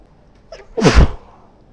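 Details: Adult female sneezing into a handkerchief, possibly allergies on a high-pollen day: a brief intake followed by one forceful, muffled sneeze.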